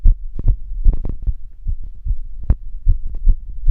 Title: Longer Heartbeat recording while being active